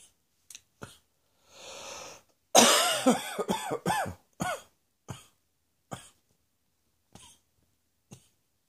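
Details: Morning reflux cough on waking: an adult gives a run of throaty, partly voiced coughs and throat clears after a deep breath in.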